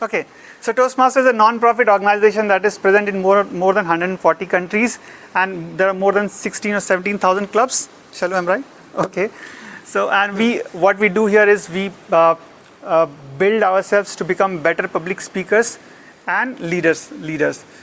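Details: Adult speaker; normal speech.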